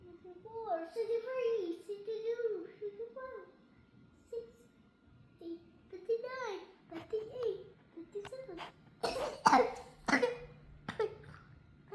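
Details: Child counting down aloud for a blast-off, then a short run of about three sharp coughs and "excuse me": cough.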